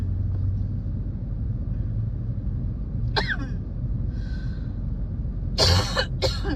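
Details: Person with a spring cold, recorded while driving: a few harsh coughs over steady car engine rumble; part of a coughing fit.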